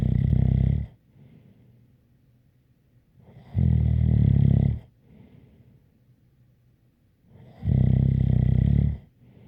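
Loud, rattling snores on the in-breath, about 15 per minute, with quiet pauses between and a faint whistle; snoring.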